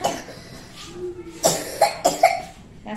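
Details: A run of several short, sharp coughs with quiet room noise between, from a young child who had a sudden coughing attack in class at school while unwell.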